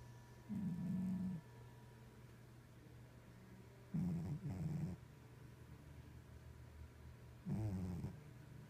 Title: Cat snoring